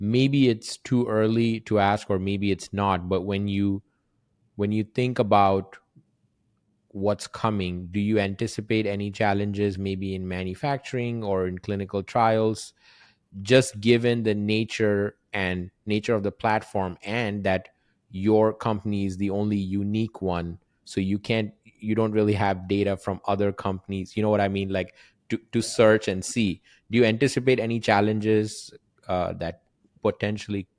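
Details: Adult male speaker; typical speech.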